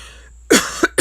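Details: Adult with a hoarse throat gives a short dry cough burst followed by two smaller coughs, like clearing an irritated throat.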